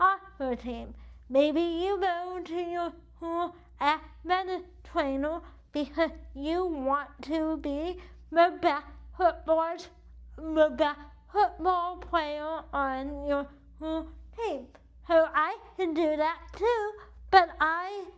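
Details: Dysarthria due to cerebral palsy in a woman whose CP affects the right side of her body, impacting her speech and movement; she uses a wheelchair.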